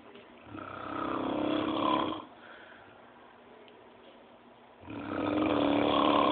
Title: Ronco da Tia